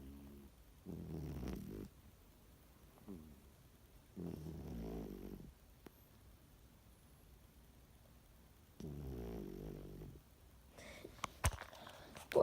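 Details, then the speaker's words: Cat snoring, part two of a recording; snoring. "Part 2 of my cat snoring."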